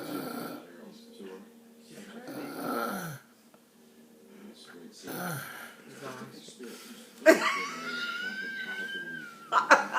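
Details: Adult man (dad) snoring during sleep: rough, rattling snores recurring every few seconds, followed by a higher drawn-out whistling sound and faint room noise.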